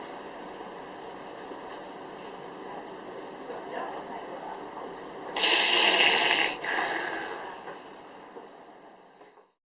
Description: Een agonale ademhaling of gaspen (happen naar lucht, vaak luidruchtig) wordt vaak gezien nèt na het ontstaan van een circulatiestilstand.